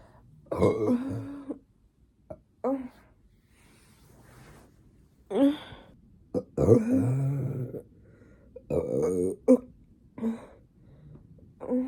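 Several loud, low, rumbling burps separated by pauses, with some voice and throat sounds.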